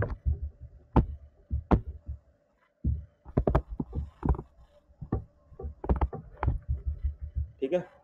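Repeated low, dull thumps of a heartbeat through a stethoscope, with a faint steady hum behind them.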